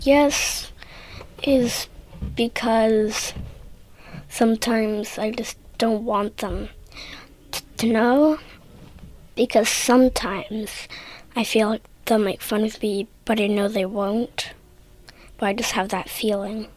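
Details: 8-year-old child who stutters, in a speech therapy session; stuttering.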